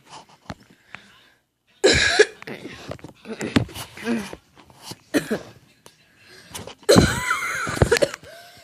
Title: Cough Bloopers!!